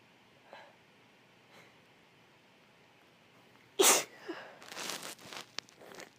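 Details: Female with a cold in a series of 20+ sneezes: faint sniffles, then one loud sneeze followed by a few quieter, stifled sneezes and sniffs.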